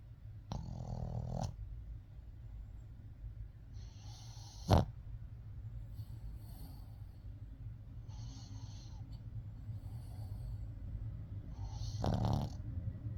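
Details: Buckley, a puppy of a breed said to snore, fast asleep with repeated soft rattling snores, about six in thirteen seconds, volume turned up, quiet room noise.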